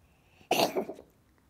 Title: Cat Coughing and Sick FREE Sound Effect